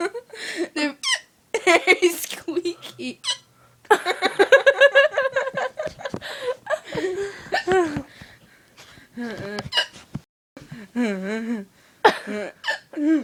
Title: Squeaky Hiccup!